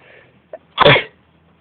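A short intake of breath, then a single sharp, explosive sneeze.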